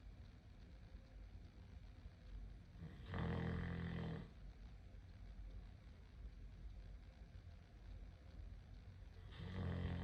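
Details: Sleeping puppy (tagged mastiff/Great Dane) gives two loud, low, rattling snores about six seconds apart over a steady low background rumble; snoring.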